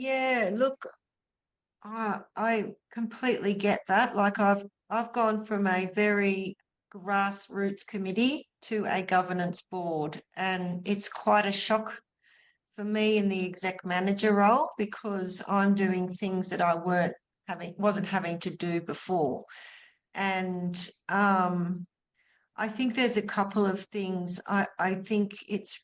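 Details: Adult woman speaking; normal voice.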